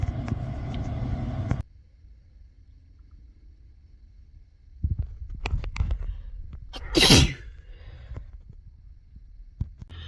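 A loud explosive sneeze after a short intake of breath, with background rumble of room or traffic noise.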